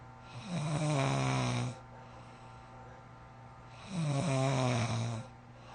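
Two loud, rattling, low-pitched snores on the in-breath with quiet pauses between them; heavy snoring.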